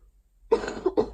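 Two coughs, a longer harsh burst followed by a shorter one, from an adult with a cold.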